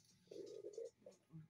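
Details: A low, bubbling gurgle swells and fades, then two shorter rumbles follow: ordinary stomach growling (borborygmi) in a quiet room.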